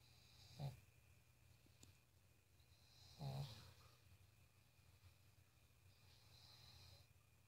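Two loud, low, rattling snores a few seconds apart over quiet room noise: snoring in a sleeping dog.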